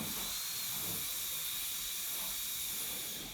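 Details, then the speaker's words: Dental drill: steady high-pitched hiss and whine of a high-speed drill refining the gingival bevel and transition into buccal and lingual bevels during gold onlay preparation on tooth #18. "so i'm refining my gingival bevel and the transition into the buccal and lingual bevels"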